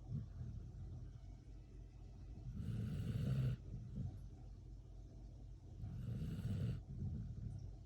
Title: Cute pitbull sleeping and snoring loud | #funnyvideo #dog